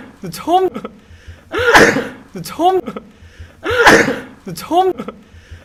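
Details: Looped pattern of quick voiced intakes followed by explosive sneezes, repeating about every two seconds; repeated sneezing from a K-pop singer, edited into a one-minute compilation.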